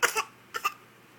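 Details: Boy coughing on demand: four short, dry coughs in two quick pairs, deliberately faked rather than from illness; voluntary cough.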